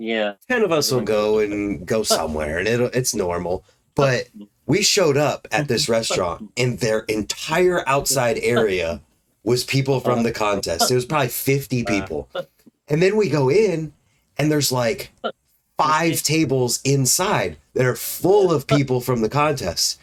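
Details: Adult male speaker; typical speech.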